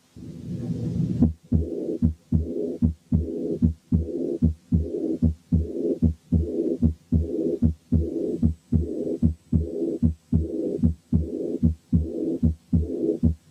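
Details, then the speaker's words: Aortic regurgitation caused by syphilis: regular heart sounds about 75/min with a ringing second sound and a soft early diastolic murmur filling diastole. "نسمع مثال تاني لأيورتيك ريجرجيتيشن سببه سيفلس، وعشان كده السكند ساوند فيه له رنة شوية."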